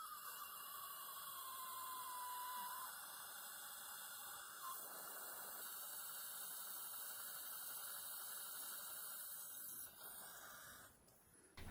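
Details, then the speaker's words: Implant path drill, 7 mm, in a fresh extraction socket in the lower anterior canine area of a 63-year-old man for an immediate implant: steady high-pitched whine with hiss of irrigation spray, running continuously before stopping. "for path drill we need to start with shorter one this is 7 mm drill because it's extraction socket"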